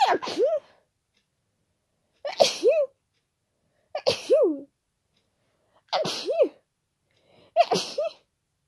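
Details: Five loud, wet, forceful, unstifled sneezes about two seconds apart, each with a quick inward catch before it; repeated sneezing with an ongoing head cold, described as snotty and tickly.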